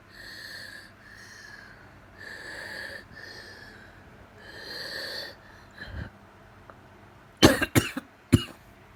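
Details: Adult with asthma: five high-pitched whistling wheezes on deep breaths, then three sharp coughs. The nonstop coughing began suddenly while eating porridge and set off an asthma flare.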